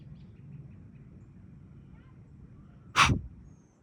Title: Whitetail deer allogrooming (grooming/licking) each other with some snort wheezes